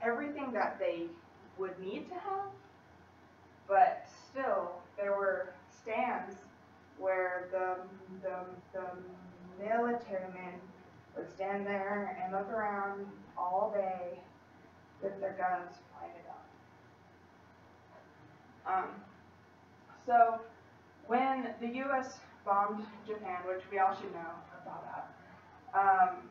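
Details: Female college student who stutters, giving a practice presentation to 10-15 people at her speech therapy clinic; stutters more before unfamiliar people or large audiences and works with a speech-language pathologist on a technique; stuttering.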